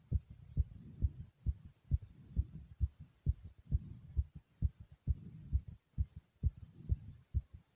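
Fast, steady, strong thumping heartbeat, about 130 beats a minute, above a normal resting rate.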